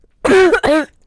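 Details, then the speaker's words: Female podcast co-host coughing repeatedly during a live stream, described as a cough that won't quit: two short voiced bursts between a cough and a throat clear; cough. "Go ahead, cough. Just go ahead. Go ahead. Lexi's going to cough for the next 15 minutes."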